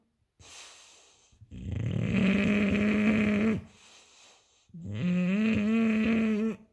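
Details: Sleeping English bulldog snoring loudly with harsh, buzzing snores and quieter breaths between, about 20 a minute; snoring.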